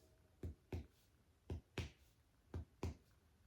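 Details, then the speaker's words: Respiratory assessment of a female patient: six hollow, low-pitched percussion taps in pairs over the posterior chest in a quiet room, a resonant note indicating air-filled lungs. "And there should be resonance all around because resonance indicates that there is air, which is what we want in the lungs."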